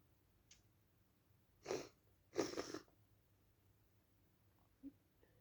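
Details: Two hissing sneezes about a second apart, the second longer, with soft breaths after; sneezes deliberately induced during a cold.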